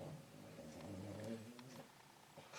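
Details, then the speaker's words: Dog snoring fairly loudly: a quiet, low, rough rumbling with drawn-out vibrating quality against faint room noise; snoring. "my dog is snoring I don't know if you can hear it but it's it's kind of loud"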